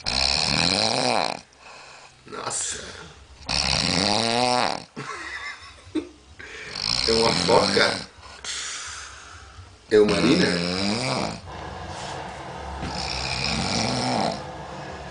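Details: Sleeping person snoring: loud, rough snores repeating with each breath, with quieter gaps between them; ordinary snoring.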